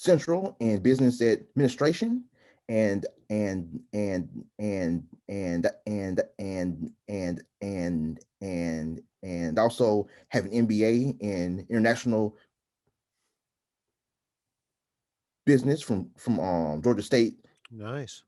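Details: Adult man who stutters, heard with repeated words such as "and" and "from" in conversational speech; stuttering.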